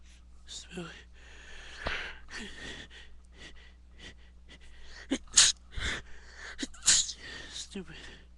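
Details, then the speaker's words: Person's nose tickled with loose dog hair: several sharp, hissing sneezes with sniffs and voiced gasps between, steady room hum; repeated sneezing. "So it's making me sneeze. Stupid. Stupid. Don't care, it's making me want to sneeze."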